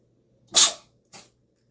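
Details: Animal sneezing: a single sharp, hissing sneeze burst followed by a softer short snort; an ordinary sneeze.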